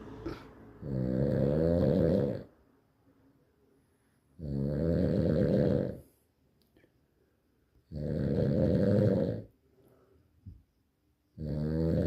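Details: Heavy snoring: loud, rattling snores on each in-breath, about every four seconds (roughly 15 a minute), with quiet pauses between them.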